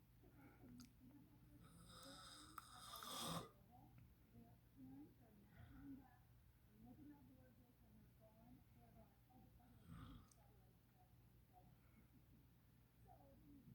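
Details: Low rattling snores from a sleeping father during his sleep breaths, with a loud rustle and some room noise; snoring.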